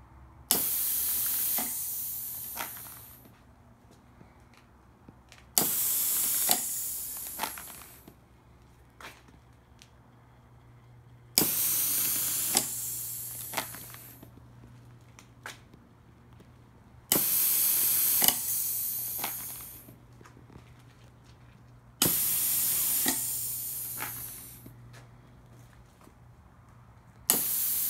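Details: A homemade ventilator prototype, built by a former respiratory therapist from a standard hospital bagging unit driven by a linear pneumatic actuator, cycles about 11 times a minute, each cycle a sharp click and a fading air hiss.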